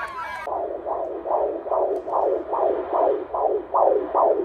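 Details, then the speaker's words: Rapid, regular whooshing pulses at about 146 a minute, picked up on pregnancy ultrasound; a fetal heartbeat. "Very cooperative, nice and loud. I remember when I first heard your heartbeat. It had only been 8 weeks."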